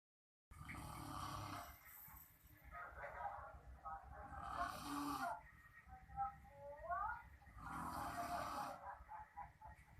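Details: Rough, rattling snores on each breath with a fluttering throat sound, over steady room hum; snoring.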